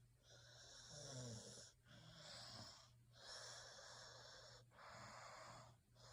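Quiet, airy breaths with a faint low snore and some whistling, in a steady rhythm of about four breaths in six seconds: soft snoring.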